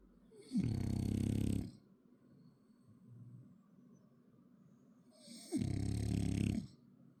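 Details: Two loud, rattling inhaled snores about five seconds apart, with softer breathing between, from a French Bulldog; snoring.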